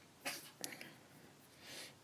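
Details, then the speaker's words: A cat with an ongoing sinus problem has a sneezing fit: two quick, hissing, snorting sneezes that sound like trying to blow the nose, heard in the background. "I apologize for that horrible sound that is a cat having a sneezing fit"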